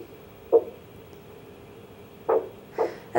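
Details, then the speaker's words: Doppler blood pressure measurement on a pet dog: as the cuff slowly deflates, soft whooshing pulse beats return one by one after quiet, marking systolic pressure at about 118 mmHg; the reading is repeated 5–10 times to average. "point the sound came back at around about 118 millimeters of mercury we usually repeat this measurement at least five to ten times to get an average reading"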